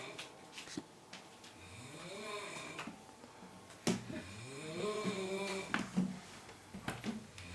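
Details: Person snoring, recorded 3 December 2016 in Daecheon: two long, rough, droning snores on breathing in, separated by quieter breathing, with faint room noise; snoring.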